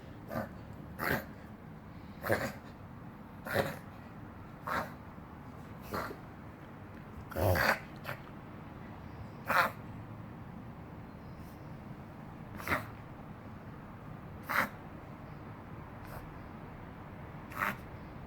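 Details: Dog wheezing after inhaling some hair and getting irritated (dog is okay): about thirteen sharp, noisy breathing bursts in eighteen seconds.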